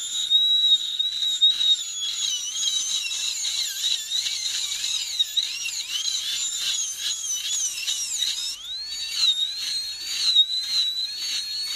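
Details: Dental high-speed air-turbine handpiece used in a home workshop on a small bolt: high-pitched whine, pitch dipping and recovering under very light pressure.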